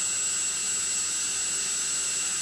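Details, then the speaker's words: Dental high-speed handpiece on a new dental cart run via foot pedal with water toggle on, water swirl off the bur: steady, very high-pitched whine running continuously. "now for adjusting our water on our high-speed would turn that toggle on stepping out on the foot pedal we're getting a swirl coming off of a berth"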